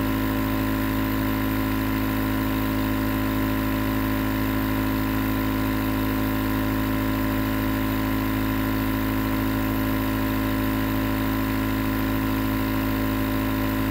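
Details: Nebulizer compressor running as white noise for sleep: steady, unbroken mechanical hum and hiss, constant throughout; nebulizer running.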